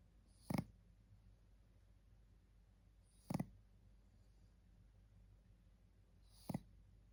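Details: 3-month-old baby boy snoring during a daytime nap: quiet room with three brief low snorting breath sounds, about 20 a minute; soft infant snoring.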